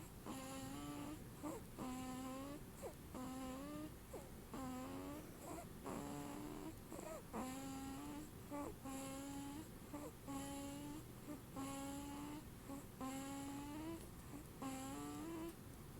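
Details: Young child named in caption covering his face while snoring: repeated short, high-pitched, whistling snores about 40 a minute, somewhat irregular.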